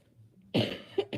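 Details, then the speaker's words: A single loud, harsh cough burst followed by two shorter trailing coughs in a quiet room; cough. "You do? Ew, y'all hear that nasty cough? It's so gross."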